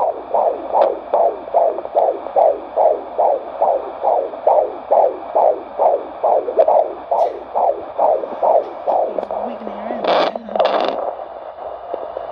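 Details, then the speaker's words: Fetal heartbeat of a baby boy on Doppler at a 25-week prenatal check-up: rapid, regular whooshing pulses at about 140 a minute, which the mother says sounds good. "baby's heartbeat sounds good as you guys heard"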